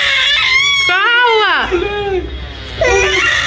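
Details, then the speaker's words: A 7-month-old baby girl at the doctor's clinic on vaccination day sits quietly for a while, then starts crying: a loud, high-pitched wailing cry with rising and falling pitch, ordinary distressed crying indoors. "फिर finally हम doctor के यहाँ पहुँच जाते हैं, और यहाँ थोड़ी देर तो शांत बैठती हैं, फिर रोना धोना शुरू कर देती हैं।"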